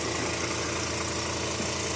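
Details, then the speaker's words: Steady motor hum and rushing air of a suction machine just switched on, used by a mother with ALS to clear her throat. "And this hose that goes connected to where the air pressure goes on the side. Sorry. Okay, so then turn on the machine."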